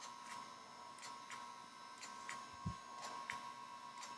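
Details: Regular soft ticking pulses, about one per second, over an electrical hum from a Potenza radiofrequency microneedling device during a dermatologist's clinical treatment; the comfortable patient's skin shows mild erythema, edema and pinpoint bleeding.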